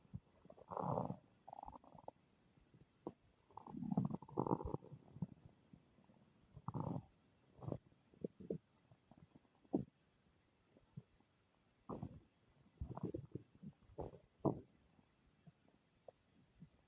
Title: My stomach is making unfamiliar noises ;-;